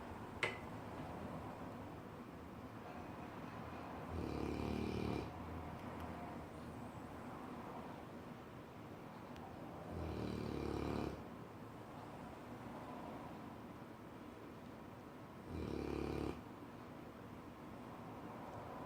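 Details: Loud snoring from a sleeping Cane Corso dog: three low rumbling snores about every six seconds, roughly ten breaths a minute, over quiet room noise.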